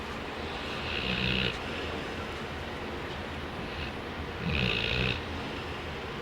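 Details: Man snoring: two rough, rumbling snores on the breath in, about three and a half seconds apart, over steady low room noise.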